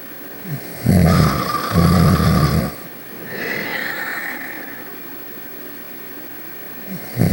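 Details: Two loud, low, rumbling snores with quieter breathing between them; ordinary snoring.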